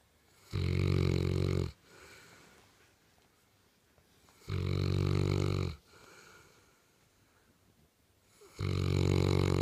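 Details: Loud, low, rumbling snores about every four seconds, roughly 15 a minute, with quiet exhalations between, from a St. Bernard dog sleeping on a couch; snoring.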